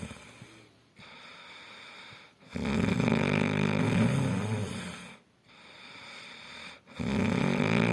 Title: Best Snore Sound Ghunguti Sound